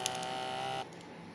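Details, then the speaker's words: Brief beep then steady motor whine stopping abruptly as a talking digital blood pressure monitor auto-inflates its cuff, user seated with cuff at heart level; reading 151/101 mmHg, pulse 85, flagged abnormal. "Dia memompa sendiri."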